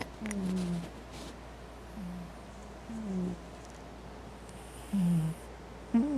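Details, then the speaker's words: Simba, a cat, snoring loudly while asleep: soft, low, droning snores every one to two seconds over steady background hum. "I'm working on my computer and I'm wearing earphones and I can still hear Simba snoring. You have to hear how loud he snores."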